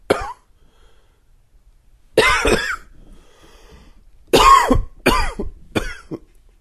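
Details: Five or six short, dry adult coughs in separate bursts, several with a whistling, wheezy edge: a dry wheezy cough.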